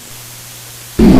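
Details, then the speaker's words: Wheezes (sibilant rhonchi), likened to birdsong or air whistling through a slit and mainly expiratory, from narrowed small bronchi: after brief quiet, a loud breath sound with several musical, whistling tones shifting in pitch. "pájaros o al silvido del aire al pasar por una hendidura se oyen en todo el tórax y a veces son escuchados a distancia"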